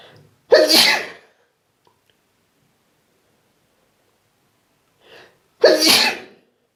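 Two sharp, explosive sneezes about five seconds apart, each with a short breath in before it. They were triggered by tickling inside the nose.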